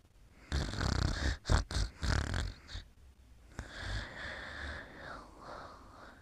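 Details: Sleeping: several rough, low, rattling snorts on breathing, then a softer hissing exhale; snoring.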